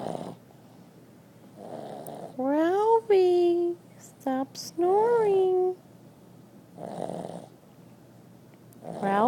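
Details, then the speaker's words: Sleeping pet taking a loud nap, snoring: noisy fluttering snores, with a person calling out to stop between them. "Ralphie. Ralphie. Stop snoring. Stop snoring."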